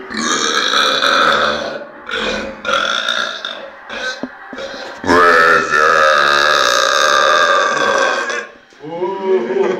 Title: Winter burps 1